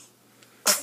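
A near-silent moment breaks into one sudden, sharp, hissy burst: a single infant sneeze.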